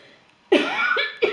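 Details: Brief coughs from an adult woman speaking French, two or three short bursts, followed by her apology.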